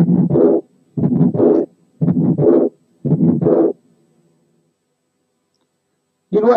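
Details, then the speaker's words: Severe pulmonary hypertension, stethoscope at the third and fourth left parasternal spaces: harsh ejection systolic murmur, loud second sound and soft early diastolic murmur from pulmonary valve ring dilatation, about 58/min. "إذا إحنا حطينا السماعة على third and fourth spaces to the left of the sternum في حالات severe pulmonary hypertension هنسمع الـ ejection systolic murmur وهنسمع الـ loud second sound، لكن كمان ممكن نسمع an early diastolic murmur نتيجة الـ dilatation of the pulmonary valve ring زي الآتي."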